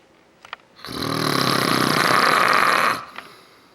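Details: A single loud, harsh, rasping snore lasting about two seconds, with faint clicks before and after, from a sleeping man filmed secretly.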